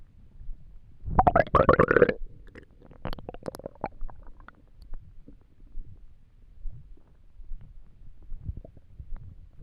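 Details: Borborygmi from an empty stomach while trying to sleep: gurgling and rumbling stomach noises.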